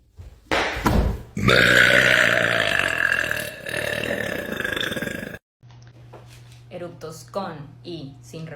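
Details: Long, loud, rumbling voiced burp from a girl lasting several seconds, followed by talking and laughter in a small room; burping.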